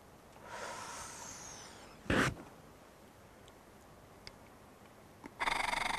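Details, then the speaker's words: Acapella oscillating PEP airway-clearance demonstration for cystic fibrosis: slow deep breath in, 2–3 second hold, then a steady buzzing, fluttering exhalation at medium speed for 4–5 seconds with a tight mouth seal, producing vibration felt in the chest. "so you can place one hand on your chest while blowing you need to feel vibration in your chest"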